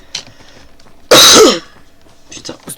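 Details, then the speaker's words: A single loud, harsh, partly voiced burst under half a second, an odd cough resembling a throat clear, over quiet room noise; the speaker thinks it was his own cough. "C'était quoi ce bruit là? c'était moi en train de tousser, je crois. Putain, on aurait pas dit un toussement."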